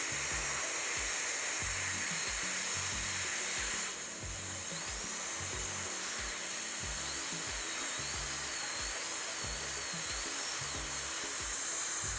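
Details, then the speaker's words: Dental handpiece polishing a Class I occlusal composite restoration on the upper left first molar (tooth 14) with a football-shaped Arkansas white stone: high-pitched whine with wavering pitch over background music. "The next one is I'm gonna polish with the Arkansas white stone. Same football shape."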